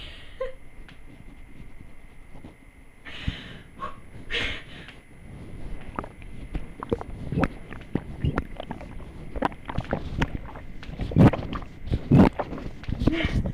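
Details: Irregular gurgles, pops and low rumbles from an adult's abdomen as gas and fluid move; stomach growling (borborygmi).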